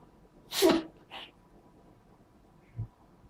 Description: The cat got tired of sneezing many times in a row